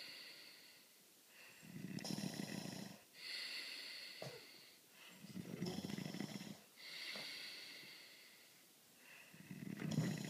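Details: A sleeper snoring loudly: rattling snores on each in-breath alternate with whistling out-breaths, about 16 breaths a minute.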